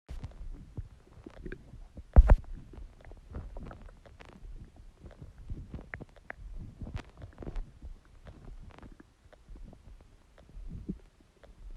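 Low gurgles, rumbles and pops through the whole stretch, with one louder burst; ordinary stomach growling from gas and fluid moving in the gut.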